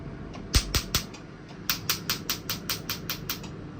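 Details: Sharp, rapid snapping clicks, a burst of three then a steady run of about ten, as a tattoo removal laser fires on a dark tattoo at the fifth sitting (about 80% already removed; patient reports mild pain): tattoo removal laser pulses.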